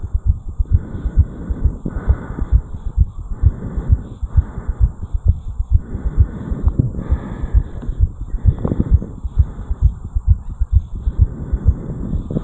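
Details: 34-year-old male, heartbeat recorded at the mitral area after jogging up a flight of stairs: fast, regular, forceful beats at about 130 per minute with a steady hum, sinus tachycardia after exercise.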